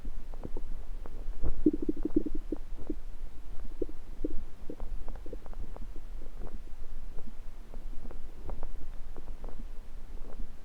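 Irregular low gurgles and rumbles with brief pops from the belly; ordinary stomach rumbling.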